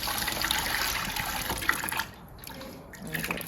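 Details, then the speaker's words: Horse with esophageal choke on feed including whole sunflower seeds: water lavage through a tube, rushing gurgling water easing into a trickle, flushing out lodged material too big to pass into the stomach. "there's so much stuff that's coming up yep i think it's too big it won't go into your stomach yet we just gotta flush some of it out"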